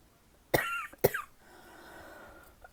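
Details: Mild cough from a person who is not sick, attributed to the change of seasons: two short, dry cough bursts in close succession, then quiet room noise.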